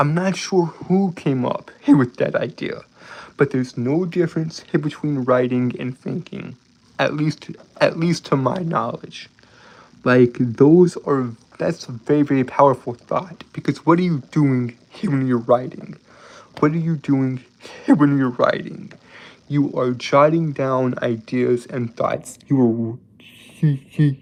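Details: Lifelong stuttering, described as a speech impediment and disability, in a man with a slight southern accent.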